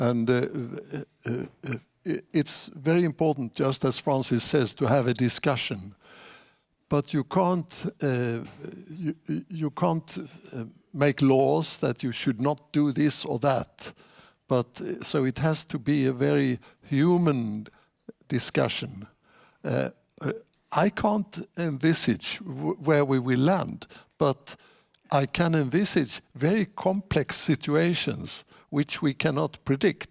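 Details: Adult male speaker; typical speech.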